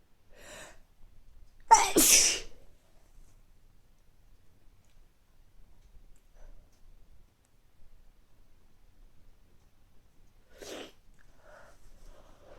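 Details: Adult with recurring mild colds over recent weeks, nose not very stuffy but feeling sneezy: a single loud, explosive sneeze after a quick in-breath, then quiet sniffing and breathing; sneezing with a cold.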